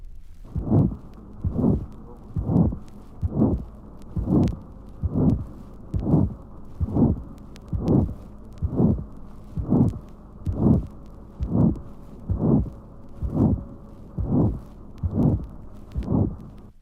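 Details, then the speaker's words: Pulmonary stenosis ejection murmur recorded at the left 2nd intercostal space beside the sternum: regular heartbeat near 67/min with a loud, rough systolic murmur drowning the heart sounds, also heard over the clavicle and back. "Pulmonary stenosis, recorded in the second intercostal space on the left side of the sternum. A rough systolic murmur drowning the heart sounds is heard again. This murmur is also heard over the clavicle and over the back, so-called ejection murmur."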